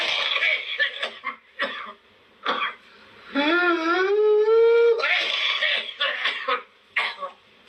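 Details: Child with whooping cough (pertussis): rapid run of coughs, a long high-pitched whooping inspiration, then more coughing.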